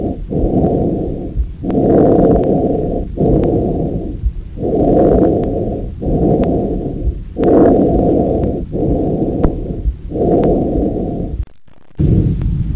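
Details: Normal lung sounds on stethoscope auscultation during deep mouth breathing: smooth, even tracheobronchial breath sounds and vesicular murmur; auscultation should be bilateral and comparative from top to bottom.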